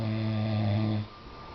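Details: Single loud, low, buzzing snore on the in-breath, then quiet, from a sleeper who is down for the count around 12:05; snoring.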